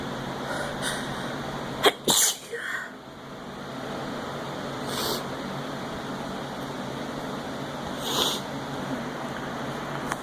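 One sharp, explosive sneeze with a quick intake before it, then softer breathy sounds, over steady room noise.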